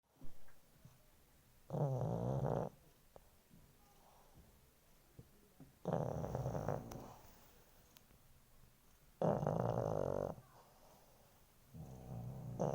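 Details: A pug snores in loud, rattling inward breaths, about 18 a minute, with quiet pauses between.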